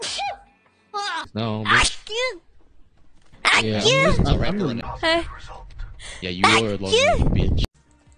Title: vtuber sneezes